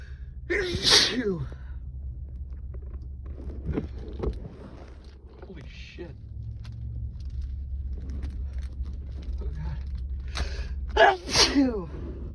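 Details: Adult man's intense sneezing fit: several forceful, explosive sneezes in quick succession with gasping breaths between, over low background hum, with watering eyes and spray.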